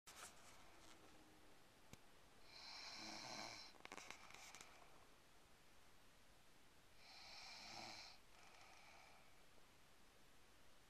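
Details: Young woman snoring asleep during a car ride: two long, hissing, rattling snores about five seconds apart over a quiet background.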